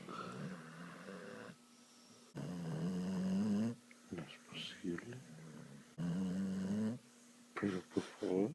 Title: Dog Snoring Hilariously More Than a Human